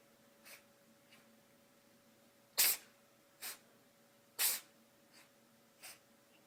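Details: Small animal sneezing in a quiet room: a series of short, sharp sneezes, a few louder and several softer.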